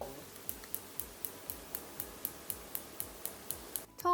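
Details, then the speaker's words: Extracorporeal shockwave therapy on an office worker's painful left wrist, started at low intensity and raised gradually to patient tolerance: sharp regular clicks about four per second, then a brief electronic tone. "조금 약하게 들어가고요. 환자분이 참으실 수 있을 정도까지 조금씩 올려갑니다. 조금 아프시죠?"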